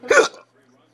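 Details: Father's hiccup in the background while infant girl sucks with mother nearby: a single short, abrupt voiced catch in the breath, then quiet.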